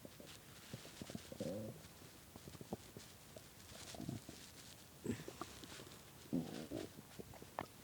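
Irregular gurgles, squeaks and low rumbling growls from an empty, hungry stomach; ordinary hunger bowel sounds.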